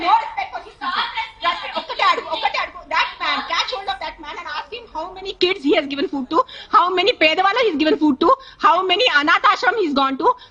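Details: Adult woman speaking; Ordinary speech.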